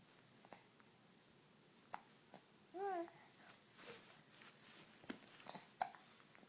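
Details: Several brief, sharp, gulping clicks spaced seconds apart in a quiet room with soft babbling: hiccups.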